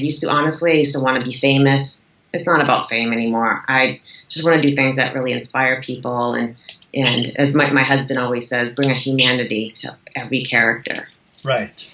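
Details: Adult woman speaking; typical speech.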